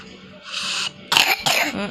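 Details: Young child who was sick with a cough: two short, harsh coughs with a breathy sound just before; an ordinary cough during illness.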